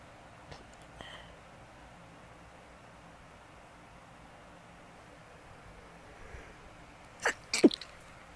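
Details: Sudden sneezing of unknown cause, possibly allergies (unsure), after two sneezes before recording; a quiet room, then a short sharp sneeze burst near the end.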